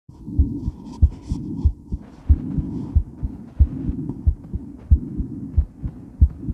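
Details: Woman's heart recorded while moving during and after weight training: strong, pounding paired heart sounds at about 90 a minute with rustling movement noise and heavy breathing; normal heart racing after exercise.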